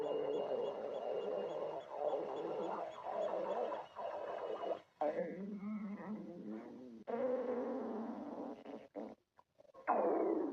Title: Vampire GF stomach growling